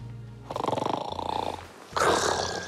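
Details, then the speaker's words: Acted snoring in an educational piece: a rattling, fluttering inhaled snore followed by a rougher burst, over faint background music; snoring, explained as relaxed muscles narrowing the airway and vibrating tissues. "Quand on dort, nos muscles se relâchent. Ce relâchement va entraîner un rétrécissement des voies respiratoires. Résultat, chez certaines personnes, l'air passe plus difficilement et fait vibrer les tissus."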